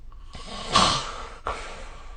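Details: Snoring recorded with the SnoreLab app during sleep: one loud, rough, noisy breath with a fluttering rattle, then a shorter breathy puff.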